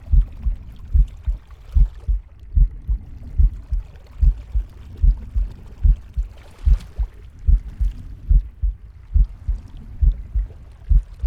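Steady, regular low thumps at about 73 a minute with soft gurgling in the background: a normal heartbeat with gut sounds.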